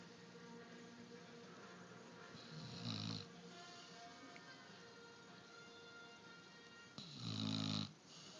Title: He snores too